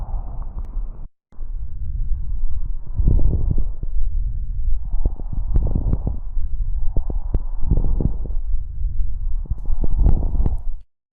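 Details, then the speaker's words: Teaching example of lung auscultation: repeated popping and crackling over four breath cycles; fine crackles (pneumonia, pulmonary congestion) and coarse crackles (bronchitis, bronchiectasis). "os Escritores finos ocorrem nas pneumonias congestão pulmonar e doenças já os estertores grossos ocorre nas bronquites e bronquiectasias vamos ao som"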